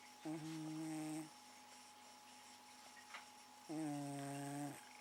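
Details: A pet cat snoring while asleep in the living room, a habit that can last all night: two steady, buzzy, pitched snores about three and a half seconds apart, with quiet room hum between them.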